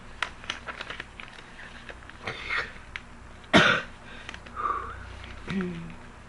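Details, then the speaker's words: Girl with a productive cough in the morning, trying to bring up lots of chunks: a few throat clears, then one harsh wet cough with a rattle of mucus. "I'm just trying to get chunks right now. Lots of chunks."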